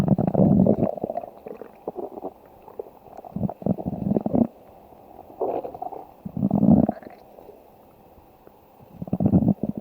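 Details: Stomach growling (borborygmi): irregular low rumbling and gurgling bursts rising and fading over several seconds, with quieter squelching between.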